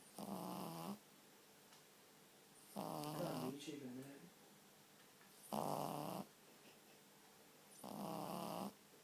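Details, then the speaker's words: Pug puppy snoring while asleep, tongue out: repeated nasal, rattling snores, about 24 a minute, with a steady low hum in the room. "You're snoring, mate. Shall I put your tongue away? You can't be snoring, are you?"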